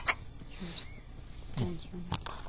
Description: has another bout of the hiccups.